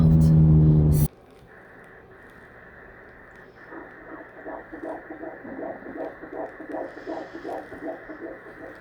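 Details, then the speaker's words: Fetal heartbeat on transvaginal ultrasound in an IVF pregnancy with a small subchorionic hematoma that may have resolved; rapid, regular whooshing pulses about 132 beats a minute, fetus measuring almost on time. "That's only the second time that I've heard this heartbeat. He's been behaving."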